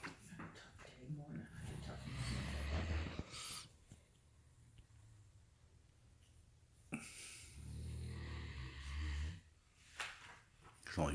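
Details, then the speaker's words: Several sleeping dogs snoring: irregular rough, wheezy snoring and snorting breaths with quiet pauses between bursts. "these dogs snoring. Who is? Tank."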